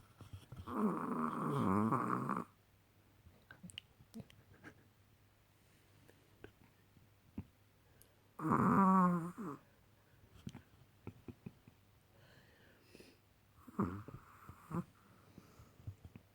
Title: Snoring chihuahua